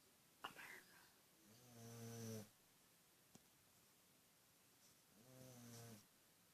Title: My dog snores